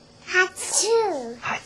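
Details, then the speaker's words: Young girl recently woken from a nap; small voiced sound with breathy burst, likely a small sneeze mixed with vocalizing; sneezing. "oh bless you again did you sneeze can you sneeze again can you say hatu"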